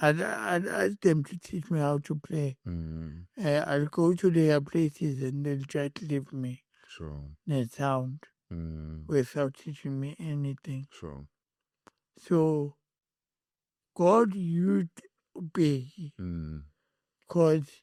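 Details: Adult man born with cerebral palsy, whose head injury from a car accident in June 2000 affected his speech, walking and left-ear hearing: dysarthric speech.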